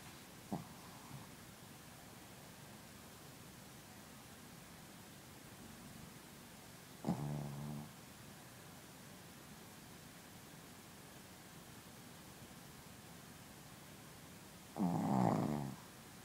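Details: Three brief, rumbling snores spaced several seconds apart over steady room hiss from a sleeping Shih Tzu; snoring.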